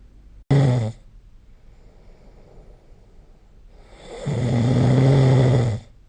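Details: Snoring during sleep recorded with the SnoreLab app: two loud, low rumbling breaths, a short snort, then a longer vibrating snore, separated by quiet exhalation.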